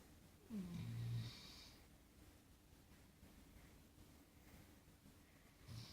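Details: Snoring: a single low, rumbling snort with a quieter one at the end, over a quiet room.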